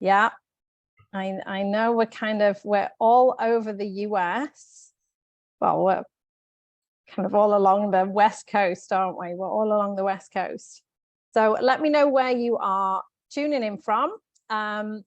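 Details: Adult woman speaking; normal speech.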